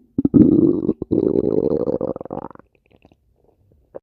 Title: stomach growling